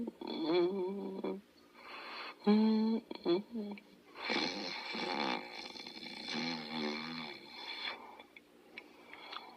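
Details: Otto, a sleeping dog, snoring: rhythmic nasal buzzing and whistling breaths about every two seconds in a quiet room.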